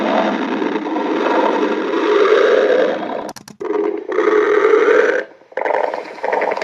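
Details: Girlfriend's stomach growling: long rumbling, gurgling stretches with brief pauses and short bubbly bursts, ordinary borborygmi from gas and fluid moving through the gut.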